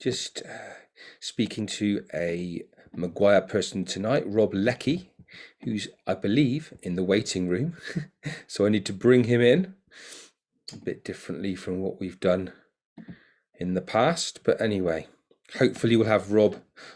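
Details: Adult man; normal speech.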